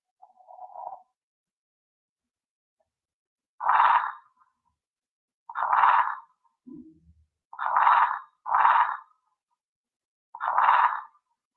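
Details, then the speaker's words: Toddler with asthma after a cold, breathing fast with difficulty: repeated short high-pitched whistling sounds with each breath, audible to the bare ear; wheeze. "basically, it is a whistling sound which can be really audible even to the bare ears."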